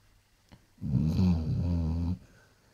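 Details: A single long, deep, rattling snore lasting over a second from a sleeping Basset Hound; snoring.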